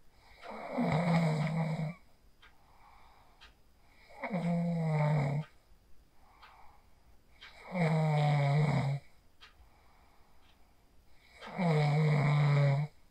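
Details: Person asleep after practicing the 4-7-8 breathing technique (inhale 4, hold 7, exhale 8), recorded on a phone: four loud, buzzing snores on each in-breath, about 16 a minute, with quieter breathing out between; steady snoring.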